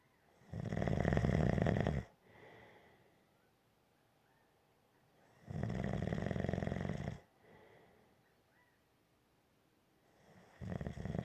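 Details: Gentle snoring: steady low rumbling snores on each in-breath, roughly 13 breaths a minute, with quiet out-breaths between; snoring.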